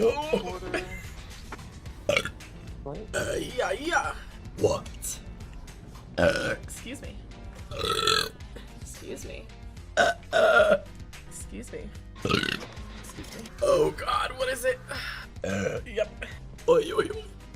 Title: Number One Twitch Girl Burps on Twitch... Excuse me | Burp Compilation #5